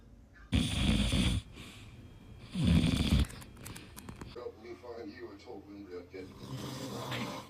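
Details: Father snoring: two loud, rough snoring breaths, then soft infant vocal sounds in a quiet room.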